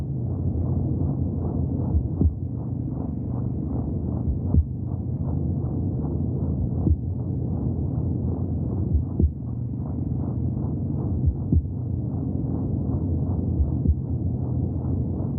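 Steady muffled whooshing pulses, fast and regular, under a constant low rumble; fetal heartbeat heard through the womb.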